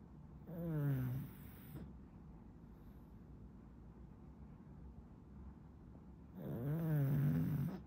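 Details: Sleeping pug puppy: two rattling, pitch-sliding snores with a quiet pause between; snoring.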